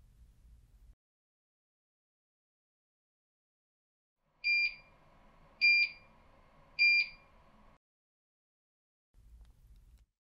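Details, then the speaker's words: Three evenly spaced high-pitched beeps with a faint electronic hum as a Curlin 6000 infusion pump is switched on after a battery change to continue a home milrinone infusion; normal power-on tones. "To continue the infusion, press the ON/OFF button to turn on the pump."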